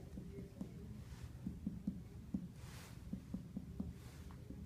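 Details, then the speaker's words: Abdominal percussion on an adult patient lying down during a physical exam: soft taps giving dull notes over the liver and spleen areas, and tympanic notes over the lower quadrants and bladder. "there are dull sounds heard over the spleen and liver areas and tympanic sounds heard in the lower quadrants and timpani heard over the bladder"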